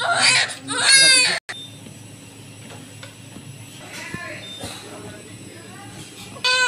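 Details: Loud, high-pitched crying of a newborn baby girl just after a normal hospital delivery, then quieter room sounds with soft whimpers; newborn cry.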